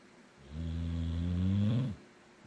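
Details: One deep, droning snore about a second and a half long, rising slightly at the end, from a napping rescue Boxer dog; snoring.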